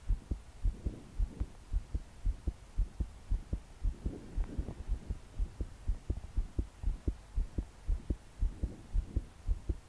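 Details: 22-year-old female trying to sleep, body shaking with each beat, deep breaths not helping: strong, regular thudding heartbeat about 110 a minute with soft breathing and rain behind; forceful, fast palpitations.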